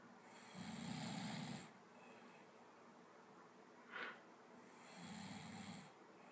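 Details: Two low, buzzing snores on inhalation about four seconds apart, with a brief soft snort between them; snoring.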